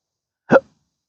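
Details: Single abrupt voiced hiccup against silence, in a patient with intractable hiccups since December 2015 after surgery with multiple nerve damage; pudendal nerve injection thought to trigger phrenic and vagus nerves.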